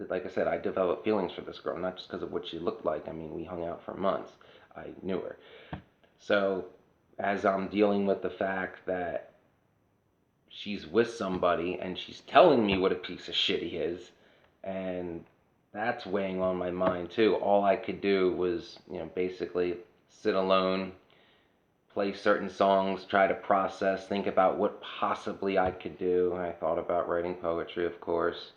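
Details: adult woman whose voice changed after laryngitis in 2009, unable to sing for over a decade; dysphonia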